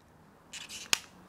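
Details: Brief sliding rustle then one sharp click as the Ellipta inhaler cover is slid down, loading a dose (do not shake); inhaler lid click on opening.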